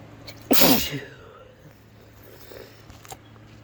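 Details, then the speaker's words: Induced allergy sneeze from a congested adult transgender man (FTM) with a stuffy nose, allergies suspected from cleaning: one loud, wet, explosive sneeze with spray, trailing into sniffles; nose sensitive, nearly double sneezes. "almost had a double holy [ __ ] there's the spray uh it's a little messy okay whoa this is really sensitive oh I'm almost having doubles holy crap I like never never get doubles what I induce and I'm almost getting them now"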